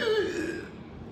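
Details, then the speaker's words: Doctor's imitation (not a real patient) of whooping cough (pertussis), a typical childhood disease: brief, harsh voiced cough with high, strained tone that fades; followed in real cases by a loud long inward breath with a strange sound. "एक बड़ी typical बीमारी होती है बच्चों को जिसको whopping कॉफ कहते हैं। परसिस जिसको बोलते हैं उसमें इस तरह की आवाज आती है।"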